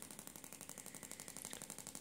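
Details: Rapid, regular rattling taps about twelve a second: Shockmaster 300 Gymna radial shockwave device with 20 mm head over plenty of gel (1.6 bar, 12 Hz) treating grade 2 cellulite on the back of the thigh.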